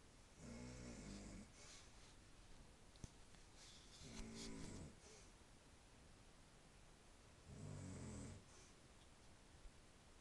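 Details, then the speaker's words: Grandma asleep in her room: three rattling, low vibrating snores on breathing in, several seconds apart, over steady room hiss; snoring. "I'm gonna take you to my grandma's room. When she sleeps, she snores."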